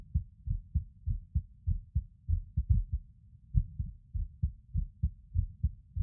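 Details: Heartbeat recording from a male lying on his bed: low, muffled heartbeats with uneven spacing and occasional pauses. Skipped beats with an irregular rhythm.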